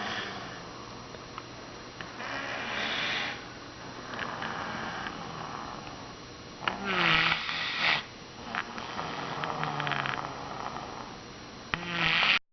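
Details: Irregular snoring, about 12 breaths a minute, with rough, snorting and whistling breaths from a person asleep in a chair.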